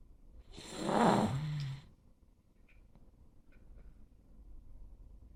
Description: Relaxed and eyes wide open while laying on a lap, my little pug makes some cute breathing sounds, with one loud one near the end.